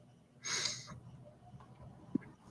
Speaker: man, it's gonna be a stuffy nose day. Can you hear it? Yeah. It's gonna be like that.